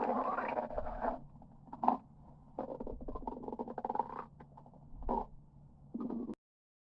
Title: my stomach growling for 38 second #17